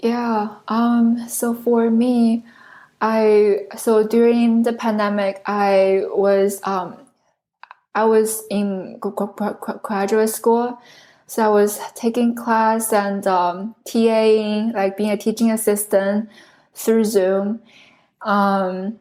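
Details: Adult woman who stutters, originally from China, a speech pathology PhD candidate studying in the U.S. for close to 10 years; this stretch has many word repetitions; stuttering.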